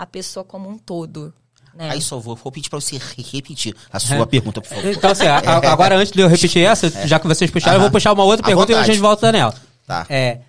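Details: Adult man who stutters, reporting his stuttering worsens under stress and that certain words were hard for him in school; stuttering.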